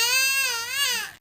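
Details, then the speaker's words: Infant crying: a single sustained, high-pitched wavering cry that rises and falls before fading, while being filmed. "Hello Ay grabe umiyak oh makikita nila Grabe ka umiyak"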